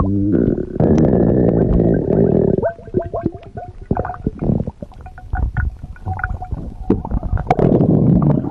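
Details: Loud gurgling and squealing abdominal rumbles with rapid pops; ordinary stomach growling (borborygmi) from gas and fluid moving.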